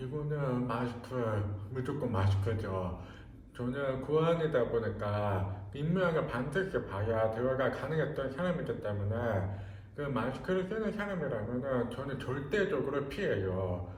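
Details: Speech of a hard-of-hearing man who wears a hearing aid in the left ear and a cochlear implant in the right ear; the cause of his hearing loss is unknown. Speech of a person with hearing loss.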